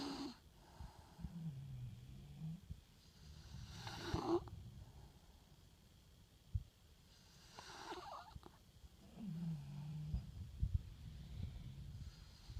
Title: Bully Snores!